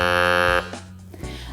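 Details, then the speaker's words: Romet R210 analog electrolarynx switched on with its red button: a steady, loud mechanical buzz that stops abruptly, followed by faint buzzing, the device's working tone. "Ось ця червона кнопка - це пусковий механізм для початку роботи Коли ми її натискаємо то прилад працює"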